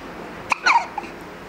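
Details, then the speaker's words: Hiccups that have gone on a long time despite walking around the house: a short, sudden hiccup-like catch followed by a brief squeaky sound in a quiet room. "can we do the hiccups it's been going on forever how can we get rid of them should we stand on your head"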